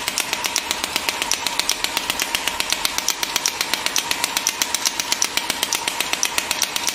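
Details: Portable GINHA HL1602 radial shockwave physiotherapy device firing during a treatment demonstration: steady, rapid sharp clicking pulses, about 158 a minute, with a hum underneath.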